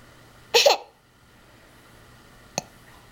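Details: One abrupt hiccup with a voiced catch, then a brief click two seconds later in a quiet room; hiccups.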